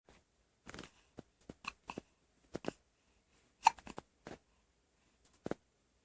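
Quiet room with a series of short, abrupt catching sounds from the throat, about a dozen over six seconds, fitting hiccups.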